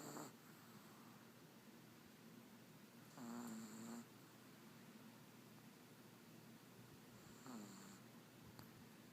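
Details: Two soft, drawn-out nasal snores about four seconds apart over quiet room noise from a small sleeping female chihuahua, snoring loudly for her size.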